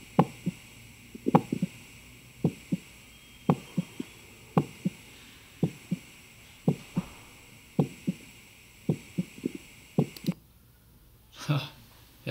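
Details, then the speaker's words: Self-recorded with a digital stethoscope: clear paired heart sounds at about 55 beats a minute after Valsalva release, slowing from the peak rate around 30 seconds, ending in a brief rustle. "after that you can just hear my heart as it is faster but it's that you can hear it's notably mostly slowing down from that peek at the about 30 seconds of the valsalva"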